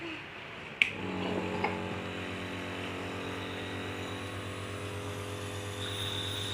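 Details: Nebulizer compressor clicking on, then a steady low motor hum with buzzing drone, giving steam/nebulized medicine to a sick child with a persistent cough.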